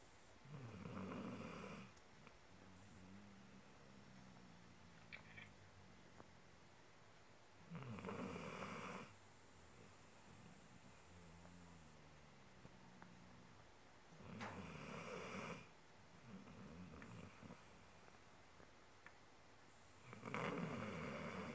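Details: A sleeping pet dog snores with loud, rasping breaths in a slow, steady rhythm, about nine a minute.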